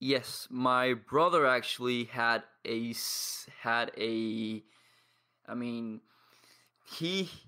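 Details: 22-year-old man from Paraguay with lifelong stuttering, present as long as he can remember, with blocks and pauses; he practises daily with a stuttering community.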